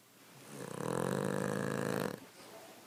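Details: Sleeping Cavalier dog: a single loud, fluttering snore of about one and a half seconds, then quiet breathing; loud snoring.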